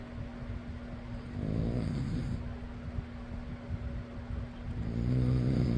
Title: fan noise + person snoring.